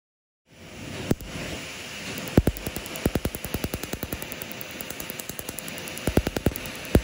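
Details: Laser tattoo removal on a 35-year-old black shoulder tattoo, chiller hose blowing freezing air to numb skin: sharp irregular snapping laser pulses in bursts, about 77 a minute, over a steady rush of cold air.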